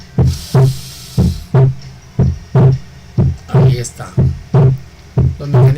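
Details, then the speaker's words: Regular heartbeat at about 60 a minute, with the second sound heard as single in expiration and splitting during inspiration: physiological splitting of the second heart sound. "Pero cuando hay una inspiración es cuando se escucha el desdoblamiento del segundo ruido, como aquí lo podemos ver."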